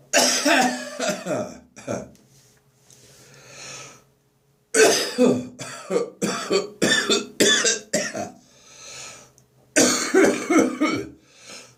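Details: Dry post-bronchitis morning cough, with phlegm nearly gone: repeated clusters of dry, hacking coughs, about a dozen in all, with short pauses.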